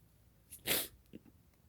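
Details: Sneeze deliberately provoked with black pepper: a single sharp sneeze with a brief intake before it and a soft breath after. Ordinary sneeze.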